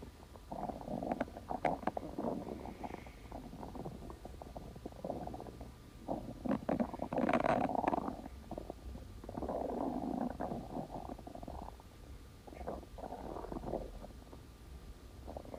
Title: Splendid stomach growling